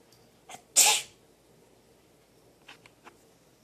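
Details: Sneeze: a single sharp, forceful sneeze in a quiet room, followed by a few faint small sounds; an ordinary sneeze.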